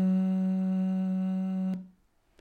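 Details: Adult voice, sustained vowel; Mildly breathy voice.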